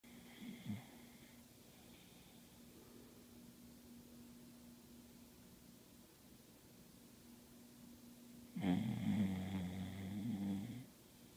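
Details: Snoring during sleep: quiet steady breathing with a low hum, then one loud rattling snore lasting about two seconds.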